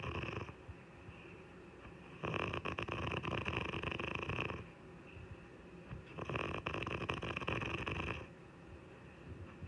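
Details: Woman (wife) snoring heavily in sleep: two long, loud rattling snores on the in-breath, each about two seconds, with quiet breathing between.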